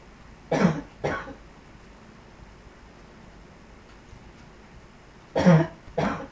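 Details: Repeated coughing: two pairs of short, deep coughs separated by a few seconds of quiet room noise.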